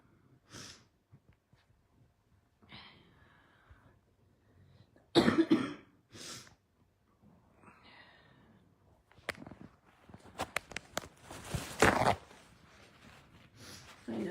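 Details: Scattered harsh coughs with breathy sniffs and throat noises between them in a small room, during a livestream by someone who has been ill, has a raw nose and says they need their inhaler; cough during a respiratory illness.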